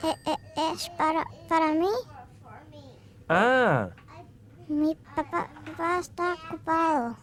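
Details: Childhood stuttering in a young child, one of several examples of stuttering in children.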